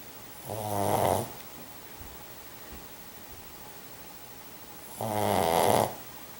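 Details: Pug dog snoring, suspected sleep apnea: two loud, vibrating snores about 4.5 seconds apart, near 13 a minute, over quiet room noise.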